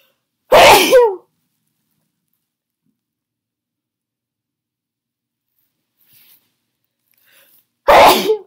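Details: Person with a cold on their sneeziest day, sneezes induced with Chhinkni: two forceful, sharp explosive sneezes with a brief catch, about seven seconds apart; sneezing.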